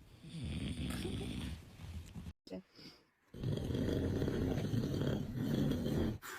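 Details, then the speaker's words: Loud, deep, rattling snores with short pauses from a sleeping dad, babies appearing scared by the snoring. "snoring. My poor baby is scared."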